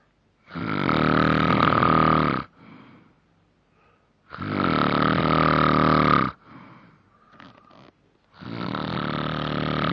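Long, loud, rattling snores lasting about two seconds each, separated by quiet pauses with faint breath noise; heavy snoring.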